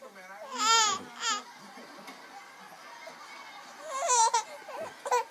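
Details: Short, high-pitched infant wails in bursts with quieter fussing between them, heard indoors; ordinary infant crying.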